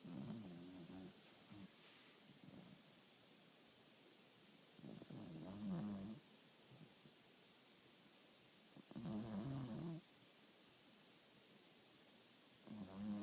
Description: Cold night, snoring away!